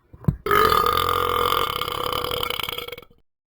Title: Talking Ben BURPS FOR DAYS